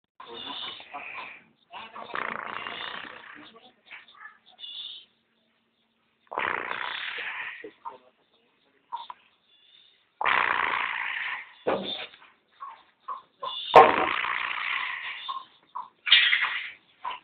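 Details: Irregular soft snorting breaths, about 25 a minute, from a sleeping cat; ordinary snoring.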